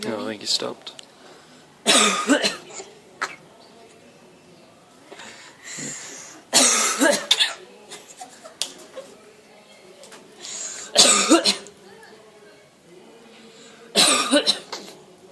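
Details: A parrot in Zante, after hearing people cough, gives four loud cough-like bursts between quieter chatter; imitated cough by parrot mimicry.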